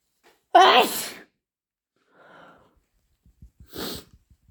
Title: sneezes and snotty nose blowing